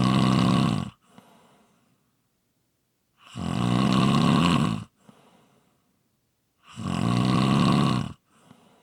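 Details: ASMR snoring recording: loud, deep rattling inhalations, each followed by a soft breathy exhalation, repeating regularly about every three seconds, around twenty breaths a minute; heavy snoring.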